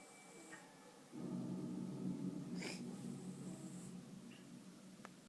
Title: Cat Snoring